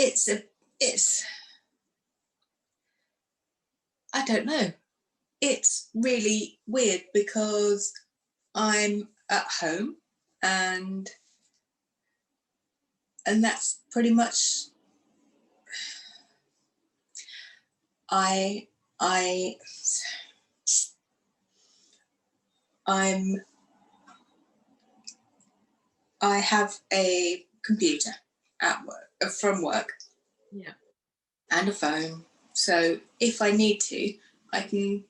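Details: Aphasia in a woman after a stroke two days after a hysterectomy in 2018, aged 44, which left her unable to speak; now shows word-finding difficulty, fillers and restarts.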